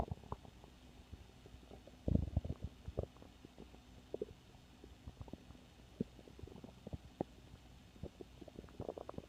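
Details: Stomach growls: low gurgling, popping rumbles with a louder burst, from gas and fluid moving through the gut.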